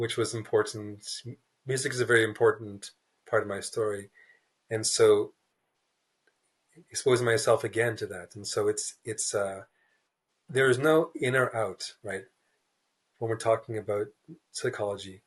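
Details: Stuttering in an adult man, a writer who describes himself as a person who stutters, speaking in a real, unscripted podcast interview.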